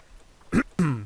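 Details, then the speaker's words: Adult man still coughing up occasional phlegm: two brief throaty bursts, a cough and a throat clear with some phlegm. "me uh yeah as you can probably hear i'm still coughing up the occasional schmutz"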